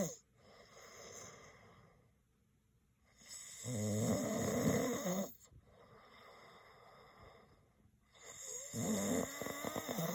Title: Male Snoring Sound Effect Free Download